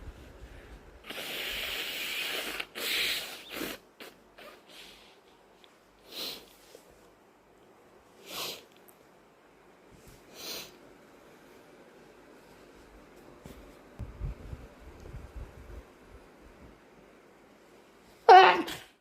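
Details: Sniffing and breathy snorts, then one sudden loud sneeze while deliberately inducing sneezing with a sensitive, sniffly nose; unsure whether allergies or a summer cold; irritated-nose sneezing.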